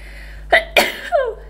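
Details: Sneezing induced with a feather, coming out quite violently: a quick pair of sharp, explosive bursts with a breathy tail in a quiet room.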